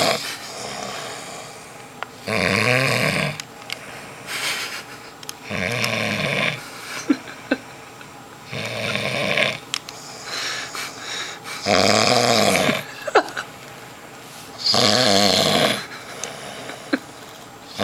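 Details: Sleeping man who snores a lot: loud rattling snores on each in-breath, about 20 a minute, with quiet breathing between; snoring.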